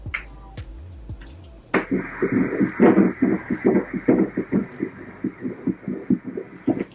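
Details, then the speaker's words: Fetal heartbeat of a baby girl at 21 weeks of pregnancy, heard on an anatomy ultrasound scan; rapid rhythmic whooshing pulses measured at 144 beats per minute, which is normal. "Heartbeat sounds good. We'll get our heart rate. Heart rate today is 144 beats per minute, and that's normal."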